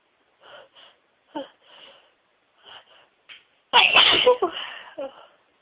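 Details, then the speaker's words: Several quiet, stifled sneezes and catching breaths, then one loud explosive sneeze, within a huge sneezing fit of over 60 sneezes with a wet nose, build-ups and tissue nose-blowing. "So sneezing today. My nose is all wet."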